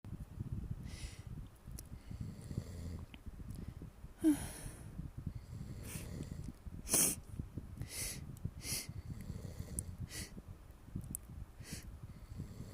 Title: Little exaggerated buildups, Sneezes and a Nose Blow.